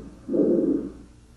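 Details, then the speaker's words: Single harsh, hollow normal tracheal breath sound from an adult full-torso auscultation simulator, stethoscope placed near the trachea and played through a group-listening speaker. "Notice that you can hear the tracheal sounds uh through the speaker and of course you'll be able to hear them through the stethoscope as well."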